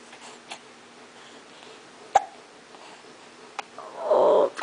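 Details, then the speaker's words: 7-week-old baby boy with hiccups: a few brief, abrupt hiccup catches in a quiet room, followed by a short infant vocalization; normal infant hiccups. "baby got the hickups those hickups drive you crazy"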